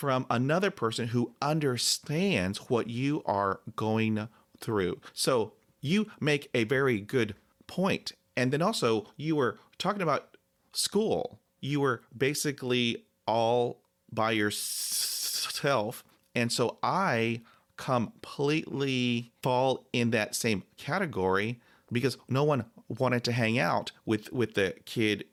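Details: 40-year-old adult who has stammered since about age 4–5, still has blocks though fewer and shorter since the Starfish Project; stuttering (stammering).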